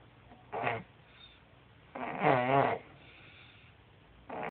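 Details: Short, harsh, buzzing chainsaw-like snorts separated by quiet pauses, one longer rattling snore mid-clip; snoring.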